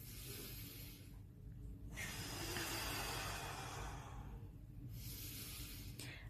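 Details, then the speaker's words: Cardiorespiratory physical therapist demonstrating autogenic drainage for COVID-19 airway clearance: last three breaths with maximum-effort deep inhalations and long, forceful hissing exhalations, breathing at mid to high lung volume. "now the last three breaths they require maximum effort inhalation and maximum forced exhalation like this"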